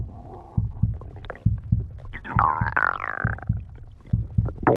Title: stomach growling 26